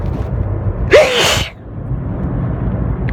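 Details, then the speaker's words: Single forceful sneeze with sharp intake and loud burst, over car road noise, while the person drives; repeated uncontrollable sneezing with watering eyes, burning, says maybe getting sick; sneeze. "cuz every time I breathe it's right there I'm sneezing all over myself on I'm drivin that's I got see properly it's not good well eyes are watering"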